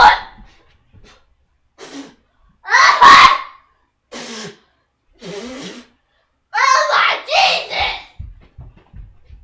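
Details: An adult doing the cinnamon challenge, with a painful throat and unable to breathe, gives harsh, irregular coughs and strained, gasping voiced sounds: coughing fit with gasping.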